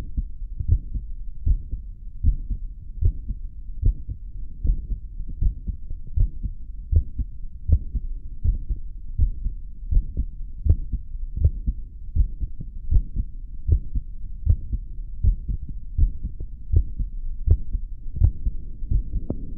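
Regular low heart thumps at about 80 beats a minute, recorded after caffeine.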